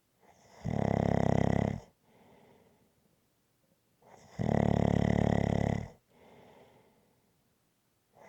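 Loud, rattling snores on each breath in, each followed by a softer breath out, about every four seconds, roughly 15 a minute: rhythmic snoring.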